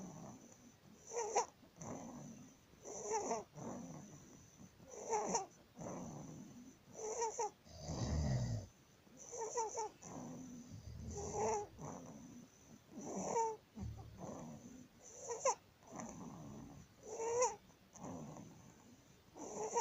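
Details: Harsh, pitched noisy breaths recurring irregularly in a 19-day-old newborn baby: inspiratory stridor from laryngomalacia.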